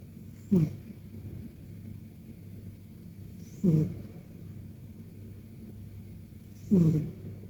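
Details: Soft, brief low snorts recurring about every three seconds (roughly 19 a minute) from a sleeping Persian cat in a deep nap: gentle snoring.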